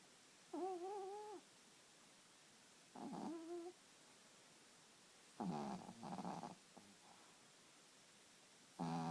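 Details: Sleeping puppy making soft squeaky, whiny sleep noises and snuffling breaths over a faint background hiss.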